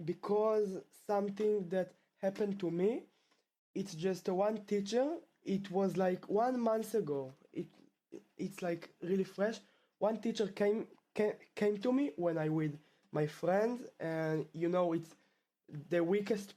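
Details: Stuttering in a male 12th-grade high school student from Israel who has stuttered since about age two; the stutter returned after two years of fluency.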